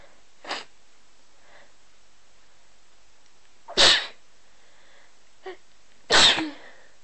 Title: More Sneezing